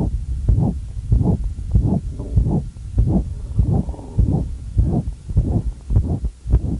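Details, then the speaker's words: Heartbeat about 100 a minute with a loud murmur filling each beat: hypertrophic obstructive cardiomyopathy murmur in a man, louder during Valsalva strain, changing in character as mitral regurgitation develops. "the valsalva maneuver will hear an increase in the loudness of the obstructive murmur and several beats into the strain phase you'll begin to hear a change in the character of the murmur as he begins to develop mitral regurgitation"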